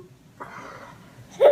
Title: Baby Laughs When Mom Sneezes!!!